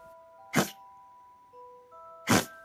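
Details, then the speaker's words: A dog gives two short, harsh coughs on breathing out, over background music: an expiratory cough, which may come from kennel cough, chronic bronchitis, or heart disease if it is worse at night. "Coughing during exhalation is different. It's often caused by kennel cough, chronic bronchitis, or even by heart disease when it's worse at night."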